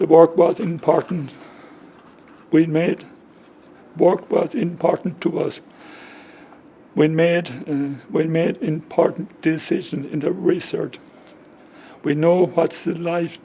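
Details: Man aged about 65 with aphasia caused by a stroke 10 years ago, just before his 55th birthday; it affects talking and spelling; he understands but finds it hard to get words out; aphasia.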